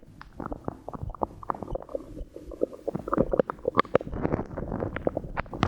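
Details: 23-year-old female after drinking water and swallowing air: frequent gurgling, bubbling abdominal rumbles with short pops and squeaks, active bowel sounds (borborygmi).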